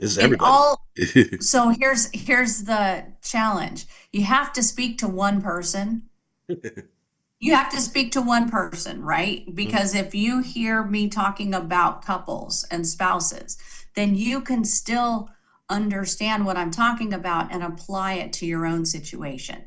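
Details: Adult woman speaking; Normal speech.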